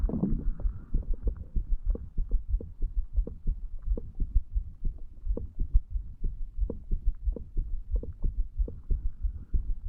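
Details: A 35-year-old male records his own heart at the mitral area while lying in bed, a few hours after going to bed, with alcohol effects: an irregular heartbeat with skipped beats.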